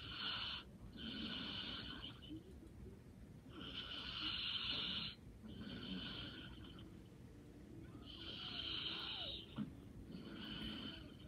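Soft, regular, rasping breaths in and out, about 15 a minute, over faint room noise: light snoring.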